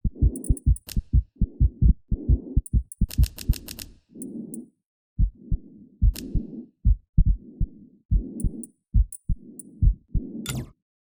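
Repeated low thumping heart sounds in a steady rhythm, with faint high clicks between beats; a plain heartbeat.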